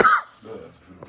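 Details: Person during breathing exercises: single short, harsh cough burst followed by quiet breathing and faint background sound.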